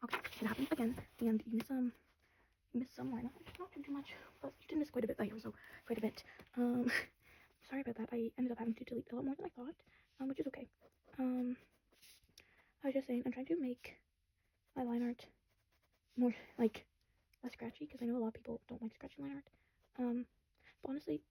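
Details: Woman who says she has always stuttered a lot; word repetitions; stuttering.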